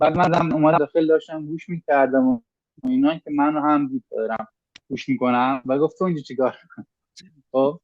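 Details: 25-year-old Iranian man speaking Persian who has stuttered since middle school; professional speech therapy brought significant improvement but some stuttering remains; stuttering.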